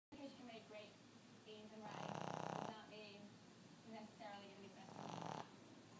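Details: Dog snoring (owner jokes he sounds like a piglet): two rattling, snorting inhaled snores about three seconds apart, with softer breathing between, in a quiet room.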